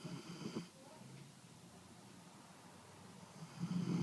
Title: Teddy Snores